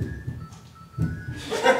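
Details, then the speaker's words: Soft paired low thumps about a second apart, a normal lub-dub heartbeat from a teaching recording, faint under room noise; first sound from mitral and tricuspid closure, sharper than the second; normal heart sounds. "you will now hear a recording of the normal heartbeat"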